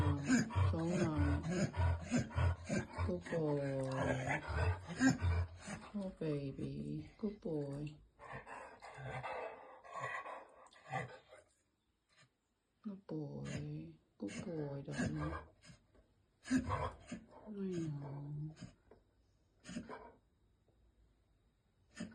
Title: Sneezing & Snorting in Vizsla Juvenile Onset Laryngeal Paralysis